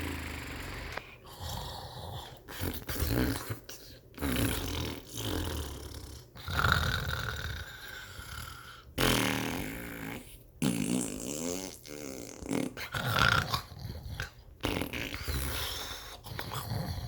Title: Snores That Changed The World #comedy #laugh #comedy video